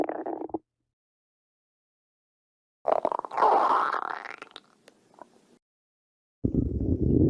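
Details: A badger's stomach growling: low gurgling and rumbling bursts separated by silence, a normal bowel sound (borborygmi).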